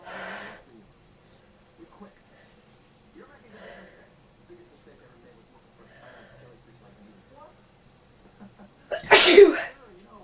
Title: In bed cold sneezing